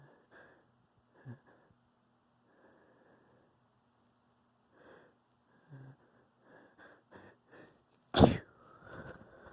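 Several soft sniffs and small bursts, then one sharp, forceful sneeze near the end; an ordinary sneeze.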